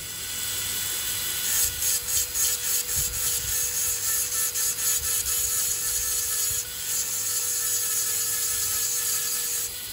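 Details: Full metal crown preparation on a mandibular first molar: high-pitched dental handpiece whine with rhythmic rasping as a flame bur performs occlusal reduction, about 1.5 mm functional cusp and 1 mm non-functional cusp.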